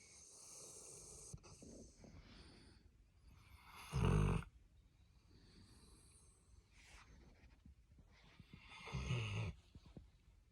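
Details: Snoring during sleep while cuddling with a Labrador Retriever: quiet breathing broken by two loud snorting snores about five seconds apart, roughly 12 a minute.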